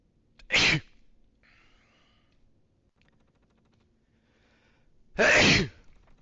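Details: Two loud, explosive sneezes a few seconds apart, with quiet between them, recorded during a video game session; sneezing.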